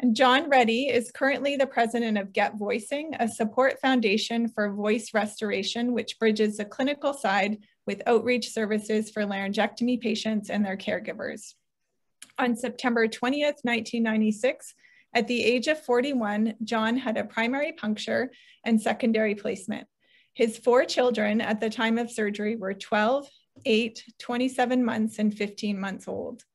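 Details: Adult woman speaking; normal speech.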